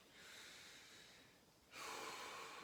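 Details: Patient breathes in and out during a lung and thorax exam while chest expansion is checked with fingertips at the spine: soft airy breaths, one longer then a louder one, no wheeze or rattle: normal breathing.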